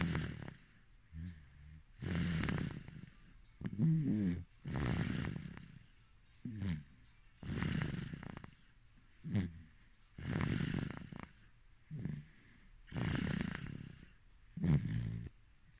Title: 🎧A.S.M.R | Baby snoring 😴 😴 😴